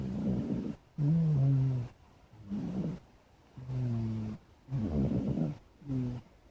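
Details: Black cat snoring while asleep: steady low rumbling snores with each breath, about one per second, with short quiet gaps.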